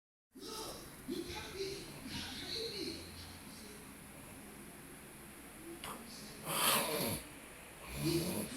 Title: guy snoring in church